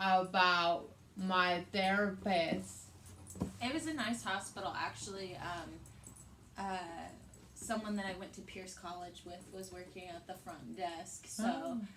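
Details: Young adult woman; typical speech.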